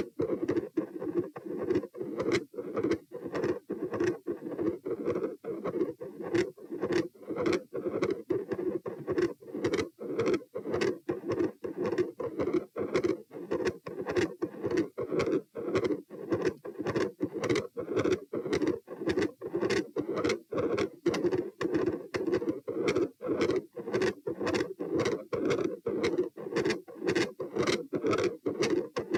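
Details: Heart auscultation stress test at position P, heart rate 90, 126 and 72 bpm while sitting, standing and lying: intermittent machinery-like murmur with loud S2.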